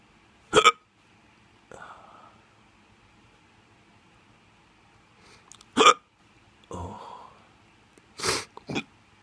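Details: Drunk hiccups: abrupt sharp hiccups, about four over nine seconds, with faint voice-like sounds between them.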